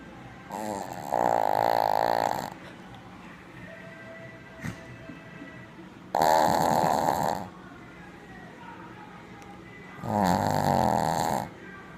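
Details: Tired male puppy snoring: three loud, drawn-out buzzing snores about every four seconds, roughly 15 a minute, with faint background sound.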